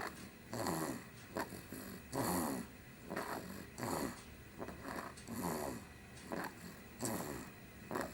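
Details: Ordinary snoring from a person asleep in a high chair: loud rattling snores with each breath, about 18 breaths a minute, in a quiet room.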